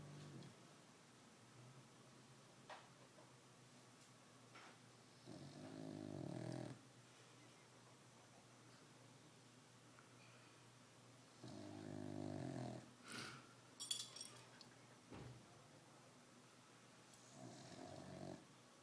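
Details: Slow, loud rattling snores about every six seconds with quieter breathing between them in a small room; snoring during sleep.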